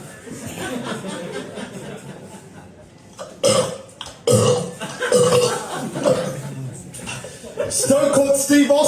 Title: Me drinking coke and letting Mother Nature take its course lol #standupcomedy #cocacola #burping